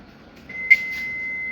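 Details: AED trainer during CPR/AED training for nurses: steady high electronic tone with a short louder beep, an alert tone before voice prompts to apply pads to the bare chest and not touch the patient while analyzing rhythm.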